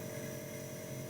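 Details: Compressor nebulizer running during a pulmonologist's demonstration with mouthpiece attached and mist forming: continuous low mechanical drone with a buzzing hum as compressed air through tubing turns liquid medicine into mist.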